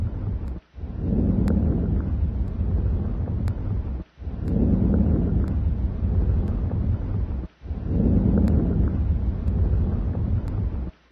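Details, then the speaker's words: Vesicular breath sounds heard through a stethoscope over the lung fields in a respiratory physical assessment demonstration; bronchovascular sounds are expected over the main bronchi. "you should also hear bronchovascular sounds over the main bronchi and vesicular sounds over the rest of the lung fields"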